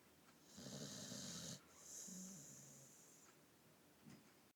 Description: Bubba the Boxer snores in deep sleep